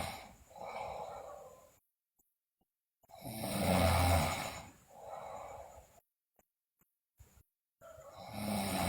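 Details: Sleeping girl: loud, harsh snoring on inspiration and expiration with rattling, rough snores and short silent gaps; heavy snoring, bruxism and delirium also reported.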